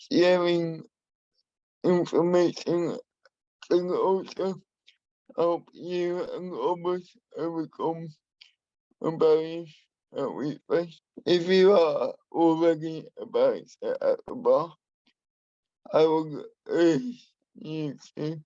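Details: Adult man with spastic and dyskinetic cerebral palsy who uses a wheelchair; he has a speech impairment that he has worked to minimise and still practises; dysarthria (cerebral palsy).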